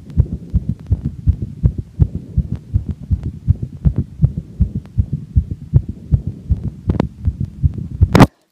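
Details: Fast, regular, low heart thumps in an adult woman right after exercise, measured by a heart rate monitor watch: sinus tachycardia starting at 203 bpm and slowing to 160 bpm by the end of the recording.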